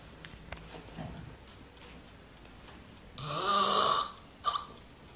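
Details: Extreme snoring: one loud, harsh rattling snore on the in-breath, followed by a shorter snort, in a quiet room.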